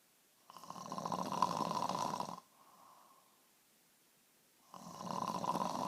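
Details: Woman snoring in sleep: two long, loud, rattling snores on the in-breath with a soft out-breath between; snoring.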